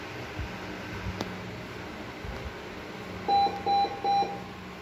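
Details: Patient monitor demonstration: three loud electronic tone beeps in quick succession over quiet room noise.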